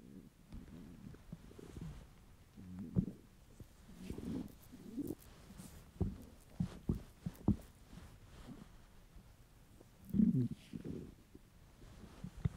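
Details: An adult male's hungry stomach: low gurgling rumbles with squeaky bubbling bursts, on and off, ordinary hunger borborygmi.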